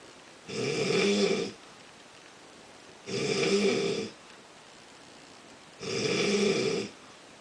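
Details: Person snoring habitually, said to be even louder in real life: three steady, buzzing snores about every two and a half seconds, around 23 a minute.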